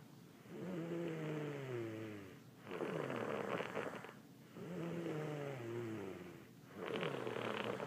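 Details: Snoring from a sleeper who is sick, recorded in a hotel: slow, regular rattling snores on each in-breath with quiet out-breaths, about 15 breaths a minute.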